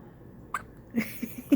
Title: Newborn hiccups 👶